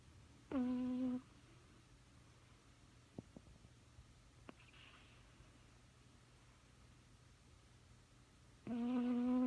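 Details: Old cat snoring while asleep: two brief, tonal, humming snores about eight seconds apart, with a quiet room between them.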